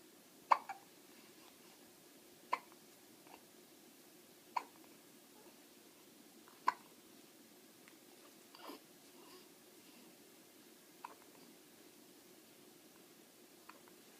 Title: My baby hiccup and try to tummy